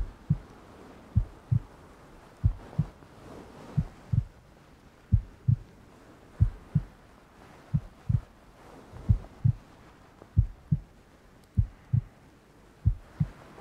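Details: Heartbeat sound in an ASMR roleplay recording with rain ambience: steady paired low thumps, about 65 beats a minute, with a faint rain-like hiss behind.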